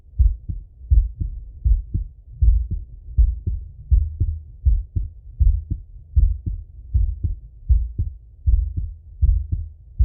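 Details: Male heart auscultation through a stethoscope, recorded sitting or lying: regular lub-dub heartbeat at about 79 beats a minute with clear first and second sounds; normal heart sounds.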